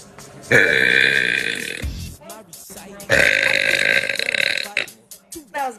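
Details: Deliberate belching by a girl: two long, loud, rumbling voiced belches about a second and a half each, music in background.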